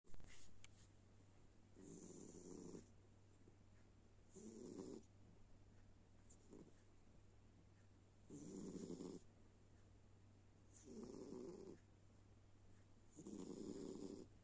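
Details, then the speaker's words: Snoring: soft rhythmic snoring, about six snores in 14 seconds, each a short rumbling inhale over a steady low room hum. "Так наш Боня храпит. Храпака даёт. Храпака даёт Бозя."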